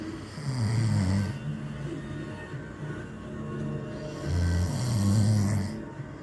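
Loud, low rattling snores on two breaths in, with quieter breathing between and faint music behind; ordinary heavy snoring.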